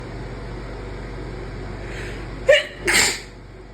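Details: Deliberately induced sneeze: a quick intake of breath, then one forceful sneeze burst over faint room hum; sneeze.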